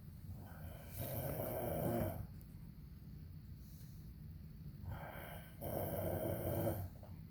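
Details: An adult man sleeping gives two loud, rough snores on in-breaths about four seconds apart, with quiet breathing between; heavy snoring.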